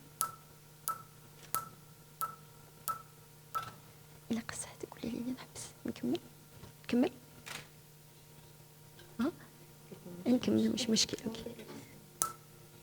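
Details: Sharp, evenly spaced snapping clicks about one a second, then quiet whispering and rustling: Fotona StarWalker laser pulses during tattoo removal, phototype 4–5 patient, after good test-spot response without bleeding.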